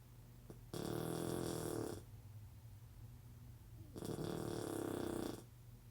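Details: Blue Shar-Pei puppy, recorded before its surgery, snoring loudly while asleep: two loud, rough, rattling snores on the in-breath, each over a second long, with quiet breathing between them.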